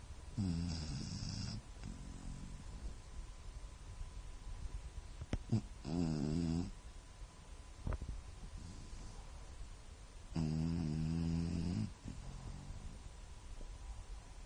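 Loud, rattling snores on each breath in, separated by quieter breathing out, about every five seconds; snoring in a sleeping dog.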